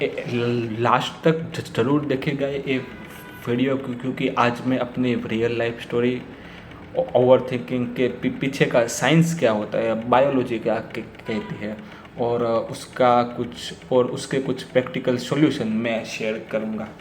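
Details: Real stuttering (stammering) in an adult man speaking Hindi, who says overthinking makes his stammer stronger.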